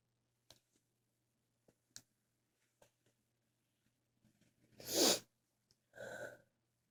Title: Back with a lot of sneezes. Read description.